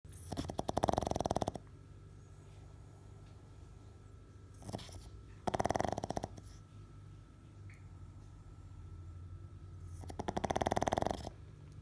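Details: Sleeping pug snoring loudly, with three loud rattling snores about five seconds apart and quiet breathing between them.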